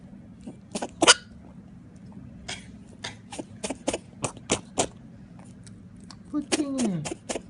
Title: Rabbit Sneezing